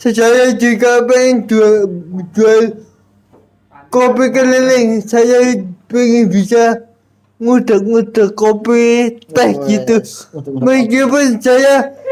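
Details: Adult Indonesian speaker with cerebral palsy disability and intact thinking; dysarthric speech in cerebral palsy.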